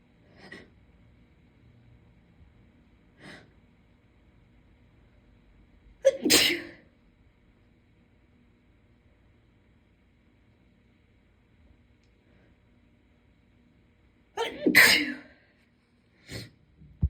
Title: Super Strong Induced Sneezes (f)